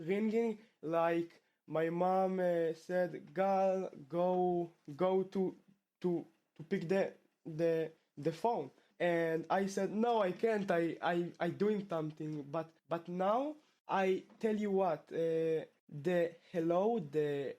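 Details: Male 12th-grade high school student from Israel who has stuttered since about age two; his stutter returned after two years of fluency; stuttering.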